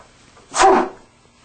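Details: A single short, forceful acted sneeze, demonstrated in an educational piece on correct cough and sneeze etiquette.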